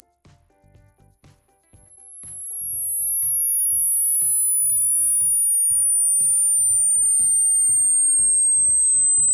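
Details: Simulated hearing range test: a thin, very high-pitched steady test tone slowly glides downward over light rhythmic background music as different frequencies are played.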